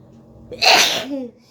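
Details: Woman deliberately provoking sneezes by poking inside her nose with a stick during a ten-sneeze challenge: a short indrawn breath, then one loud explosive sneeze with a brief voiced tail.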